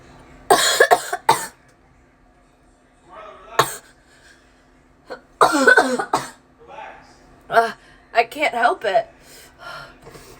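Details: Cough attack triggered by cleaning the ear canal with a cotton swab: several sharp, irregular cough bursts with voiced catches between them.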